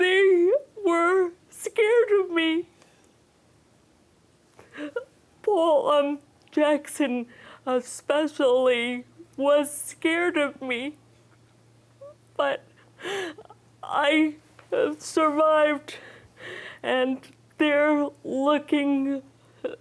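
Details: Woman with aphasia after a stroke in July 2010 at age 44, with loss of arm and leg use and trouble producing words and understanding questions; progressing with aphasia-center therapy; aphasia.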